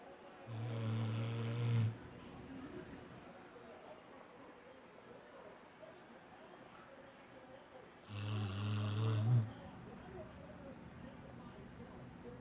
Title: my dog Raiden snoring